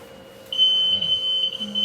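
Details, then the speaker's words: A steady high-pitched tone begins and holds: a Progressa hospital bed's exit alarm, triggered as the person on the bed moves toward the side, during a training demonstration. "Okay. So it will alarm. So same thing. You can come over, silence it, then you can choose all the option again."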